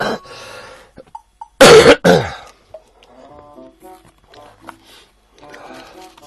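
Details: Two loud, harsh coughs followed by soft music and faint electronic tones, from an adult who says he has pneumonia, wheezing since yesterday, unsure whether asthma or pneumonia; cough with pneumonia.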